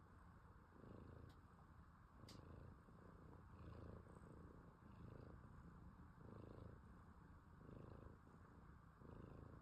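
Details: A resting cat snoring: a steady, rhythmic low rumble rising and falling about 40 times a minute with each breath, closely resembling purring.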